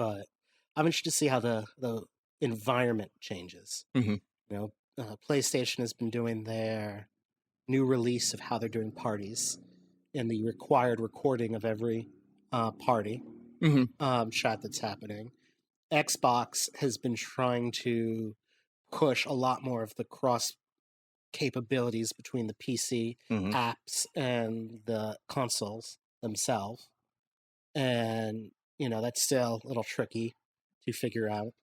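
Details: Adult man speaking; normal speech.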